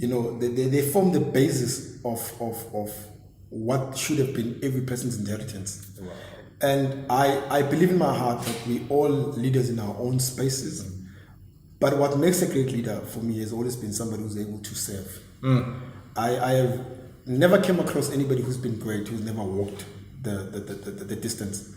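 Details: Adult male who has stammered since a very young age, a condition he says was regarded as a disability; stuttering (stammering).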